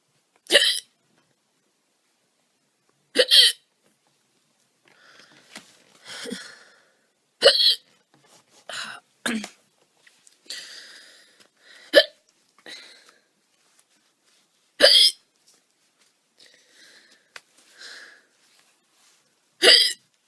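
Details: Woman gives seven loud, abrupt hiccups a few seconds apart, with soft murmuring and breathing between; hiccups (singultus).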